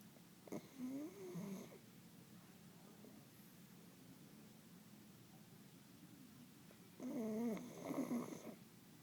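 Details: Sleeping animal snoring gently, eyes half open and tongue bobbing in and out of its mouth: two soft, fluttering snores about six seconds apart over a quiet room hum.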